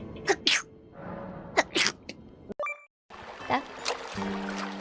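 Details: Several short, sharp sneezes from different people's voices, with music and chatter in the background.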